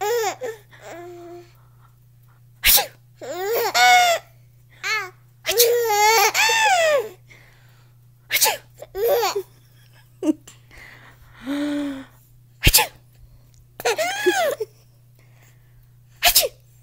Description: My son laughing at sounds of sneezing.